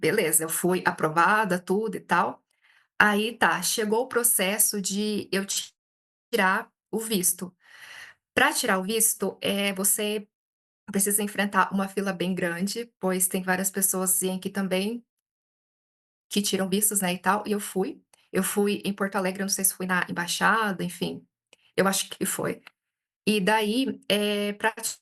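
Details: Adult Brazilian woman who stutters, reporting frequent blocks, speaking Portuguese in a stuttering-conference talk; hesitations and repetitions; stuttering.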